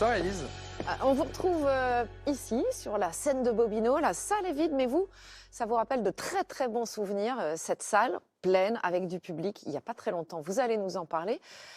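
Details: Adult female speaker (reporter); normal fluent speech.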